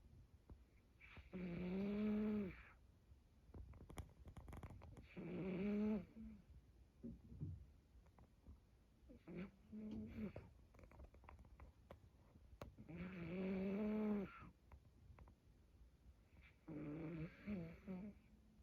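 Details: Heavy snoring from a sleeping male cat: loud, buzzing snores at about 17 a minute with faint clicks between breaths; the owner is worried about him, and he has been seen by a veterinarian.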